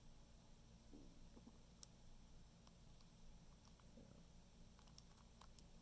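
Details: Soft low gurgles and rumbles from the stomach after eating mango, under steady room hum; ordinary digestive bowel sounds (borborygmi).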